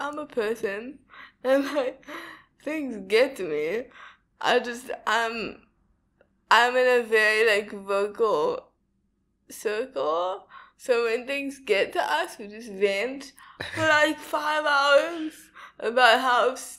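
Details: Young woman with cerebral palsy diagnosed at 11 months, speech not very clear; dysarthria (cerebral palsy).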